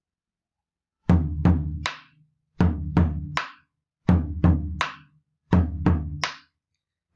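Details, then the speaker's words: Simulated heart sounds played on a drum in a clinical semiology class: repeated three-beat groups with an extra soft beat just before S1, contrasted with a split S1; fourth heart sound (S4). "hay un desdoblamiento del primer ruido cardiaco como se escucharon r4"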